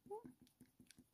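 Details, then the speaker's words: Dog sneeze heard in the background of a drawing session: a quick run of short, soft nasal snorts, a small burst of sneezes. "that's the dog sneezing that you can hear"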